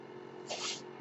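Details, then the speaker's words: Mechanical ventilator breath sound from a speaker's own ventilator, heard while he talks: a brief airy hiss over a steady low room hum as it delivers or releases a breath. "My name is. That noise you're hearing is my ventilator."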